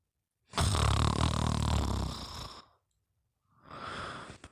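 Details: Long, deep, rattling snore lasting about two seconds, then a softer breath, during sleep; loud, fluttering snoring.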